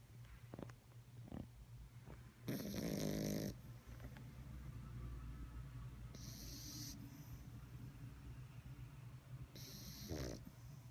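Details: Sleeping puppy snoring: soft rhythmic snoring breaths with a few louder snorting bursts over steady background noise.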